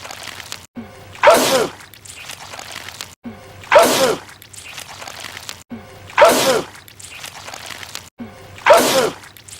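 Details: Cartoon sound from The Cat in the Hat movie: the character Larry Quinn sneezing purple goo repeatedly, four sneezes, each a sharp in-breath then a loud burst, about every 2.5 seconds; sneezing.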